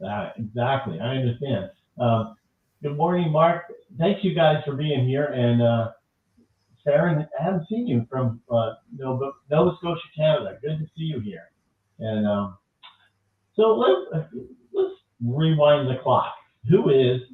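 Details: Adult man, conversational speech; Normal speech.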